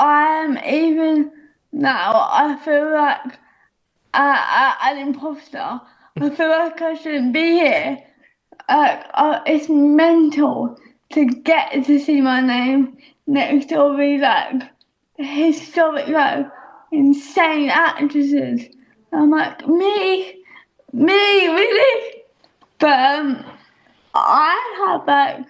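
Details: Young adult female speaker; dysarthria (cerebral palsy).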